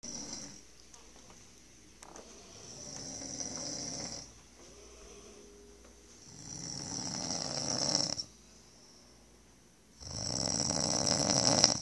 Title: SNORING